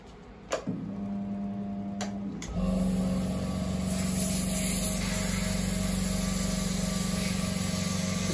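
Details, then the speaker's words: Dual-pump power-assisted liposuction system (BS-LIPS6): switch clicks as the additional pump is turned on, then a steady low motor hum with fast pulsing as two vacuum pumps run together for suction. "you can turn on or turn off now we turn down then it has two pumps working at the same time"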